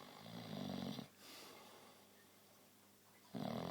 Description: Mickey Mong snoring like a motor bike